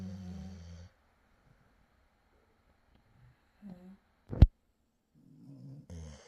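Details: Sleeping pet snoring in the morning: low rumbling snores at the start and end, with quiet breathing and a sharp click between them.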